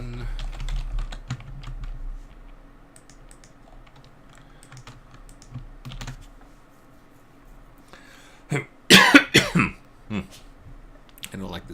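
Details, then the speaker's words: Adult coughing in the morning, worried by how the cough sounds: keyboard typing, then a short burst of several loose coughs. "don't like the sound of my coughing this morning."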